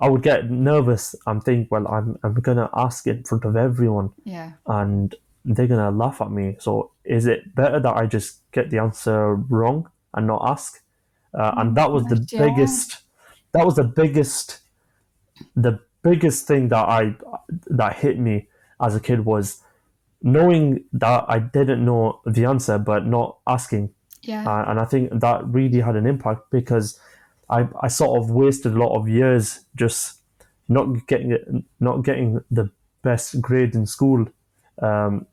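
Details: 25-year-old man who has stammered since early childhood; he says it began after an asthma attack, involves blocks, and he manages it with breathing methods and pauses; stuttering (stammering).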